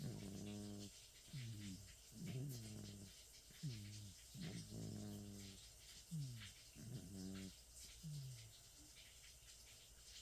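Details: 27-year-old cat snoring and twitching in his sleep: repeated short voiced snorts and whimper-like sounds.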